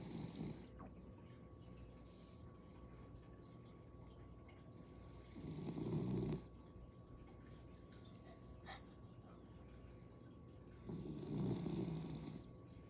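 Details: Snoring in a sleeping dog: low, rumbling snores on the in-breaths about every five and a half seconds, with quiet gaps between.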